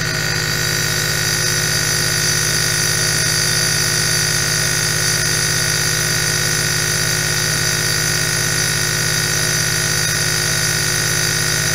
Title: ASMR NEBULIZER AEROSOL 8 HOURS